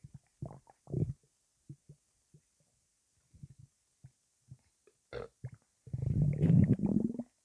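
Irregular low gurgles and bubbling pops, ending in a long loud rumbling growl: active stomach rumbling, a normal digestive sound.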